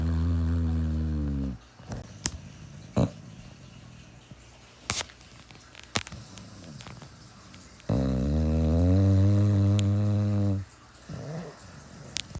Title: My bulldog’s pig snores 🐽 #bulldogs #cutedogs #dogshorts